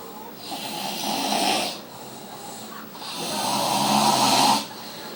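Two long, loud, harsh rattling snores on breathing in, each lasting over a second; heavy snoring.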